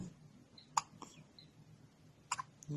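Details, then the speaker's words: Baby with strong, recurring hiccups, two sharp brief hiccup sounds about 1.5 seconds apart in a quiet room; caregiver wonders if the baby drank too much milk or didn't burp enough; hiccups. "the hiccups again once you do what you're doing or two hiccups again"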